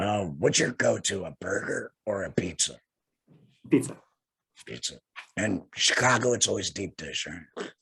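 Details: Adult male laryngectomee speaking with a tracheoesophageal puncture voice prosthesis, changed a couple of weeks earlier; tracheoesophageal voice after laryngectomy.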